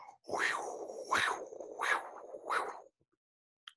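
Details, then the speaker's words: Carotid Doppler ultrasound with a linear probe: pulsing whooshes about 90 a minute, each sharp and drier than the hollow, blowing internal carotid sound; the typical external carotid artery Doppler signal. "la icann o la eca suena un poco más seco entonces ya esas son cosas que el oído se va educando"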